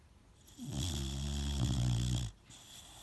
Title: Zane Boxer pup snoring